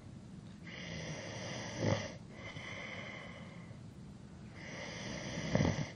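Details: Adult male snoring during sleep: low, rattling snores on inhaled breaths about four seconds apart, roughly 16 breaths a minute, over a steady high-pitched background hum.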